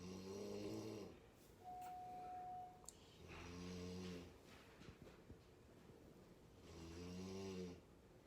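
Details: A woman snoring after giving birth: loud, buzzing snores on each in-breath at about 20 breaths a minute, with quiet out-breaths between them.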